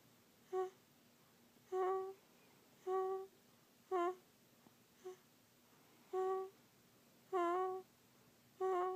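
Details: Sleeping young child snoring: short, squeaky, hum-like snores in a quick rhythm in a quiet room.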